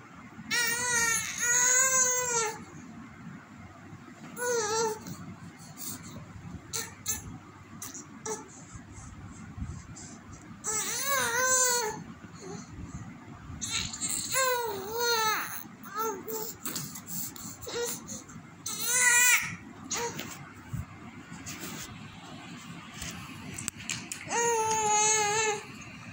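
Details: Infant crying in repeated high-pitched wailing bursts separated by quieter whimpers and pauses.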